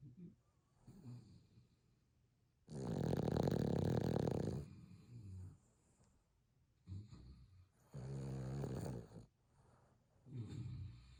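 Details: Sleeping Boston Terrier puppy: loud rattling snores on the in-breath with quieter snorting breaths between; snoring in a small flat-faced dog.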